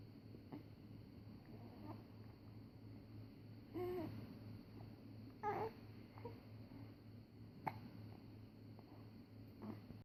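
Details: One-month-old baby with hiccups: several brief, sharp catches of breath, some voiced, irregularly spaced in a quiet room; infant hiccups.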